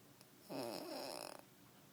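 One loud snore lasting about a second, a rattling breath sound that flutters toward its end.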